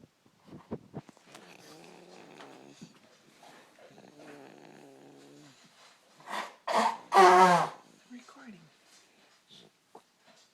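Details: Soft buzzing breaths during sleep build to a few loud, rough snores, then settle into quiet breathing; snoring.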